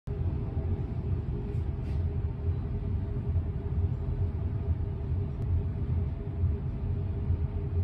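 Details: Steady low motor rumble with continuous hum: a vibration liposuction device running with its fat suction machine and liposuction cannulas.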